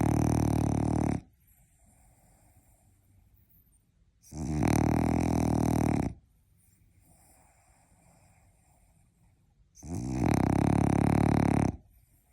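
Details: Loud, low, rattling snores on each breath, about every 5 seconds, with quiet pauses between, from a French bulldog napping; snoring in a flat-faced dog.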